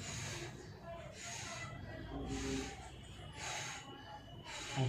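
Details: Child doing a hyperventilation test to provoke absence seizures, over-breathing while encouraged aloud: loud, deep, rapid breaths in and out in a steady rhythm.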